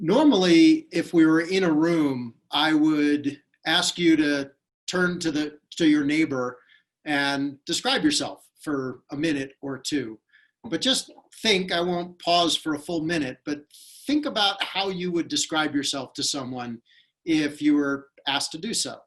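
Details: Adult speaker; Normal speech.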